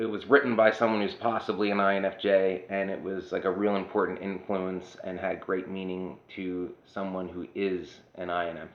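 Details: Adult woman whose voice changed after laryngitis in 2009, unable to sing for over a decade since; dysphonia.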